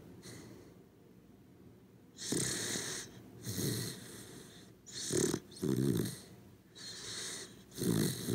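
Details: Corgi dog snoring while asleep: rhythmic snuffly snores with soft whistling breaths, about five cycles in eight seconds, ordinary sleep snoring, recorded as ASMR.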